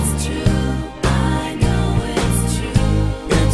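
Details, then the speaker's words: Simulation of noise-induced hearing loss with tinnitus applied to speech and rock music: a constant whistling that won't go away, heard over the sound. "you not only miss out on sounds but you have to listen to this constant whistling that won't go away"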